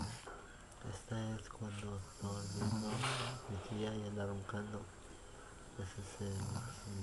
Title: aunt is snoring